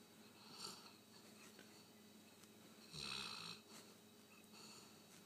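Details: Sleeping Rottweiler snoring: soft, hissing sleep breaths with one louder whistling snore midway.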